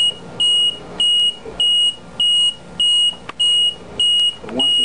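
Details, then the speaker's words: LP10 ventilator demonstration with tubing popped off to simulate disconnection: loud, regular high-pitched beeping about 100 per minute over room noise; low-pressure alarm, which latches until reset. "okay we have a low pressure alarm and a high pressure alarm a low pressure alarm means that he becomes disconnected this needle will not move that high"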